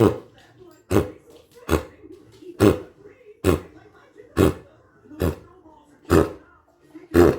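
A dog gives a run of about nine harsh, honking coughs, fitting kennel cough.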